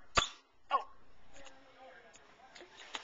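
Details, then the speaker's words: A baby girl being bounced and held gives two abrupt, sharp hiccups about half a second apart, called a big hiccup, followed by quieter room sounds. "Oh, big hiccup. That's a big hiccup. That's a big hiccup, baby."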